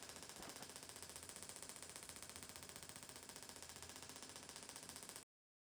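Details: Shockwave therapy to the front of the shoulder for biceps tendinopathy, low bar pressure, 12 Hz, 2,000 shocks: rapid, steady, sharp clicking pulses about twelve per second.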